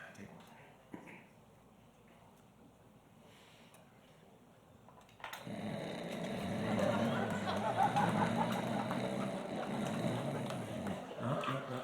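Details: Adult man's imitation of sleep apnea snoring: about five seconds of near silence, then loud, rough, rattling snoring to the end; imitated, not real sleep.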